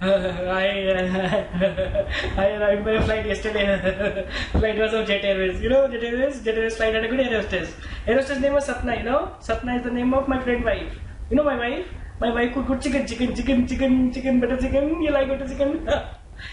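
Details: Acted teaching demonstration of flight of ideas as seen in mania: rapid speech with ideas linked by chance, clang association, similar-sounding words or proverbs. Finding: flight of ideas.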